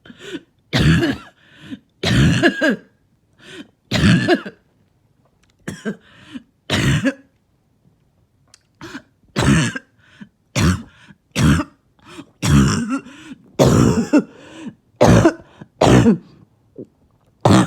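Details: Adult, two days without sleep from coughing, gives about twenty harsh, short coughs in bouts with a barking, hoarse quality: barking cough.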